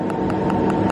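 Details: Laser tattoo removal on a blue, green and black tattoo; patient reports zero pain: steady machine hum with sharp ticks about five times a second as the laser fires repeated pulses.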